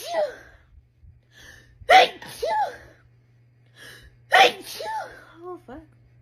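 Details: Girl sneezing, tagged allergies and sinuses: two loud sneezes, each preceded by a short in-breath, then soft vocal sounds over a steady low background hum.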